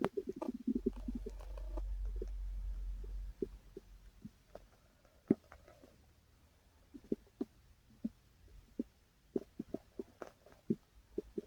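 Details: Gurgling stomach rumbles open the recording, then give way to scattered soft pops and clicks of bowel activity; the person's own loud stomach growling, borborygmi.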